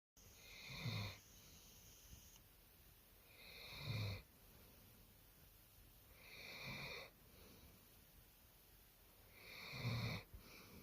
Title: Dog snoring. 40 winks